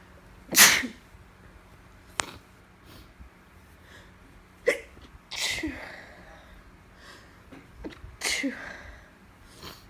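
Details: Woman with allergies on top of a cold, sneezing repeatedly: about four sharp, explosive sneezes that build in force, with quiet gaps and soft breaths between them.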